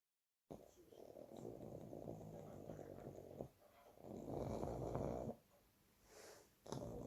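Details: Two-year-old pug snoring in sleep: a rough, fluttering snore on each breath, louder on some breaths, with quieter gaps; typical flat-faced dog snoring.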